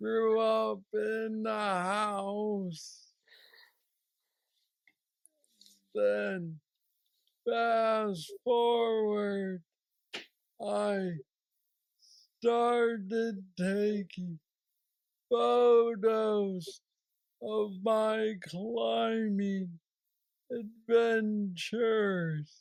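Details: Man diagnosed with aggressive Parkinson's disease at age 35, now 46, reporting steady decline since diagnosis and mobility struggles; has a brain neurostimulator implant; hypokinetic dysarthria (Parkinsonian speech).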